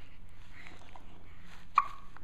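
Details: A first bout of hiccups: a single brief, sharp hiccup over low room noise.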